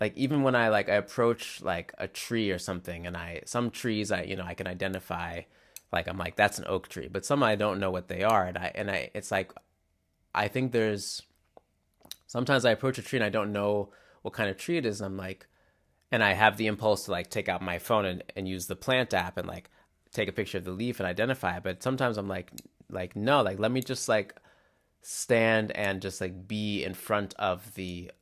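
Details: Adult man who stutters, describing mainly glottal blocks (often silent) as well as repetitions; real stuttering, deliberately left unedited in interviews; stuttering.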